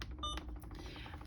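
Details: Brief electronic keypress beep from an Alaris infusion pump as the secondary option is selected while setting up a secondary IV infusion, over quiet room noise.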